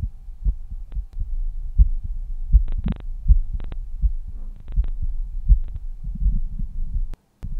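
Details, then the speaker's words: A second-year medical student records his own heart with a Stemoscope Bluetooth stethoscope chestpiece at the mitral area (fifth intercostal space, midclavicular line), gain boosted: steady, regular low thumps at about 80 a minute, no added sounds; normal heart sounds. "okay so I found where my mitral valve can be heard but I'm just going to boost the gain the sounds a tiny bit quiet"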